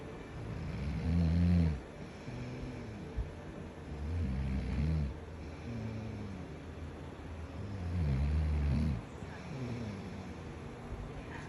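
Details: Man snoring loudly in sleep: loud, deep rattling snores about every three to four seconds with quieter breaths between; heavy snoring.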